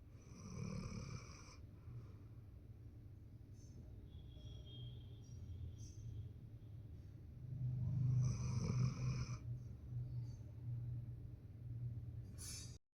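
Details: 14-month-old German Shepherd in deep sleep, snoring: deep, steady rumbling snores rising and falling with slow breaths, faint background music.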